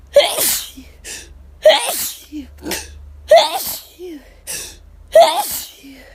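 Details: Rapid, intense hay fever sneezes after running out of medication, with itchiness and lightheadedness by the end: four loud sneezes in quick succession, each with a sharp intake before it.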